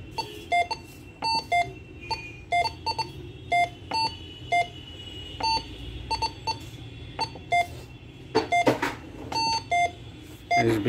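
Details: Repeated short electronic beeps, roughly one per second, from an LPM 904 multiparameter cardiac patient monitor running a configuration demonstration, with room noise; patient monitor beeping.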